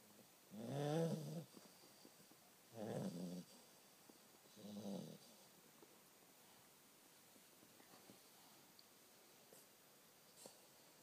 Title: Sheldon The Staffie Snoring Again!